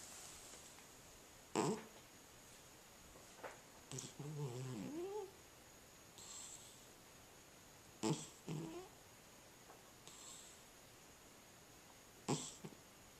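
Short, snuffly snorts and soft wheezy breath sounds from a sleeping cat; snoring.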